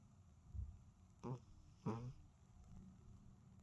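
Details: A sleeping cat snoring lightly: two brief, soft, buzzy snorts about half a second apart over low room noise.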